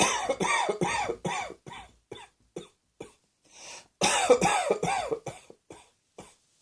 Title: Cross Dressing Coughing 43